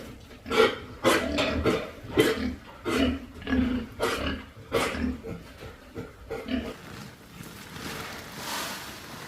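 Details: Repeated harsh, deep coughs from farm pigs with acute pneumonia, persistent despite treatment, with difficulty breathing; about a dozen bursts in quick runs; pig cough from pneumonia.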